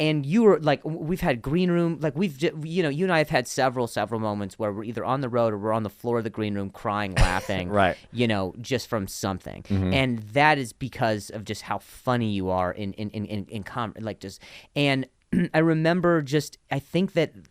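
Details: Adult man who stutters and links his stutter to an injury; real conversational speech with repetitions of words and phrases; stuttering.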